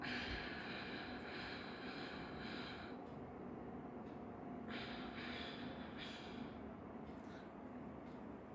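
Slow, audible breath through the nose and mouth, a quiet held pause, then another long breath: paced breathing.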